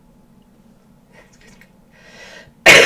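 A quiet room with faint breathy sounds, then one sudden loud, harsh cough burst at the very end.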